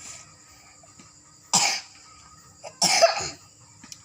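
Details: Cough from a 5-year-old girl during a Quran memorization recitation test: two short coughs, each with a brief follow-on burst, over quiet room background.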